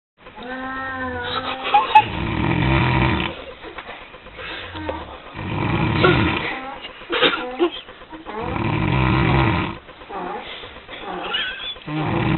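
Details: An adult snoring heavily in sleep after a night of partying: loud, rough snores about every three seconds, roughly 19 a minute, with snorting and gurgling.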